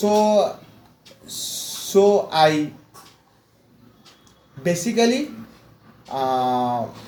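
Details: Adult male mechanical engineer from West Bengal, India, with severe stammering since childhood, speaking after 4 weeks of fluency training; repetitions and long pauses heard; stuttering.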